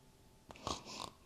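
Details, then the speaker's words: Ordinary snoring from a dog named Sniper, heard in the room during a conversation: a single short, noisy snorting breath, airy and rasping with little low rumble, against quiet room noise. "C'est Sniper que j'entends ronfler d'ici. Lui, là."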